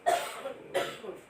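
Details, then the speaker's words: Elderly grandmother coughing badly for several days, with poor appetite: two short, harsh cough bursts about 0.7 seconds apart in a quiet room. "最近奶奶跟阿咪都咳得很厉害，所以食欲不太好。"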